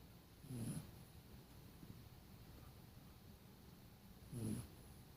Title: Snoring sleeping dog